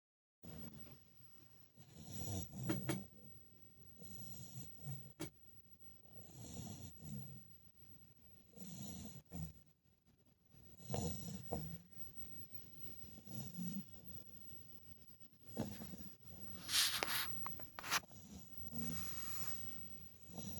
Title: snoring puppy!